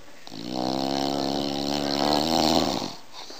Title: Bull dog snoring SOOO Funny Not fake